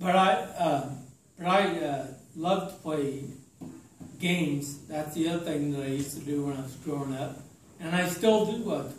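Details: Adult man with slowly progressive ataxia diagnosed in 2003, affecting his speech, writing and balance; ataxic dysarthria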